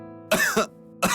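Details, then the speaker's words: Simulated cough from a herbal cough syrup ad: three harsh, dry cough bursts in quick succession over soft music, an acted cough described as four days long. "انها ابدا ليست مجرد سعال"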